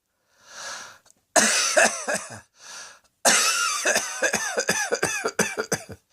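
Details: Cough: two breaths in, each followed by a run of sharp coughs, about a dozen in all, the second run longer.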